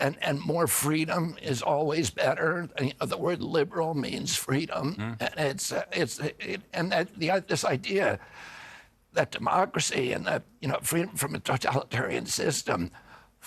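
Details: Adult man with spasmodic dysphonia, which he calls spasmodic dystonia: a neurological disorder, not a tissue injury, with signals making his vocal cords tighten constantly. Onset at age 42 after a 1996 injury; surgery in Kyoto about eight months earlier; now using alternative therapies.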